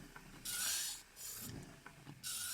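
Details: Homemade DIY ventilator version 2 squeezing an Ambu bag, motor speed controllable: rasping, grinding bursts of motor and mechanism noise with short gaps between them.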